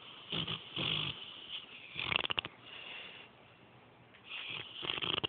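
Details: Snoring during sleep: soft, raspy breathing with a brief rattling flutter in the middle.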